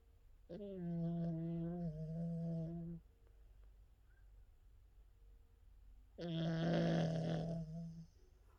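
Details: Two long, steady, humming snores with a clear buzzing pitch, separated by a quiet pause, from a small King Charles dog; loud snoring.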